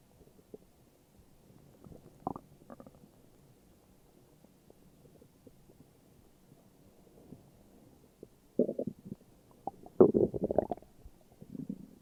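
Quiet gurgles, then louder bubbling rumbles near the end: ordinary stomach growling.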